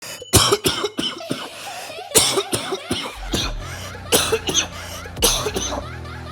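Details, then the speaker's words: Tren cough, a coughing fit linked to trenbolone use in a bodybuilder: harsh, rapid coughing in four clustered bouts, about fifteen coughs in six seconds, over faint low background tones. "so you get like Trend cough I mentioned I'm going to show you how bad the trend cough actually is"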